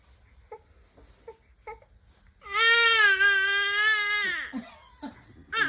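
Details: Infant crying, apparently afraid of snoring sounds while dad teaches habituation: soft whimpers build into a loud, sustained wail that breaks into sobs.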